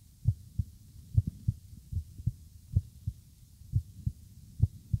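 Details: Normal heartbeat recorded in the morning: regular paired lub-dub beats at roughly 100 per minute over a faint hiss.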